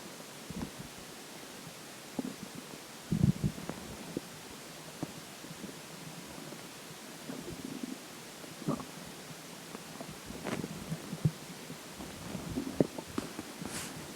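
Faint, irregular gurgles and sloshing pops over steady background hiss: ordinary stomach gurgling after drinking water.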